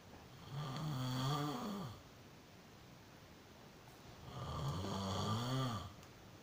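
Two long, rattling snores on inhaling, with quiet pauses between; ordinary snoring.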